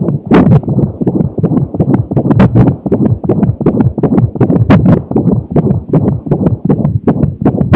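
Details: Fetal heartbeat recorded during fetal hiccups: rapid whooshing pulses around 160 per minute with irregular thumps from the hiccups.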